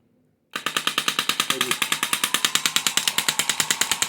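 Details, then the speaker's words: eBay Chinese shockwave therapy machine, used for erectile dysfunction by a man: sharp, rapid, evenly spaced clicking pulses about 140 a minute after starting, pushing like a mini jackhammer, uncomfortable but not highly painful. "Pushes just like a little mini jackhammer. It's uncomfortable, but it's not highly painful."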